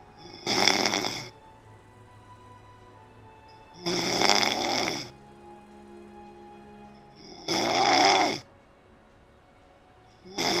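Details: A friend who fell asleep 12 hours into watching a 24-hour livestream, snoring: loud, harsh snores about every 3.5 seconds, roughly 17 a minute, with quiet pauses between and faint background music.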